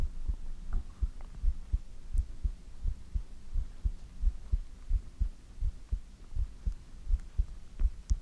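Steady low thumping heartbeat, about 85 beats a minute, with a soft hum behind it; an ordinary heartbeat.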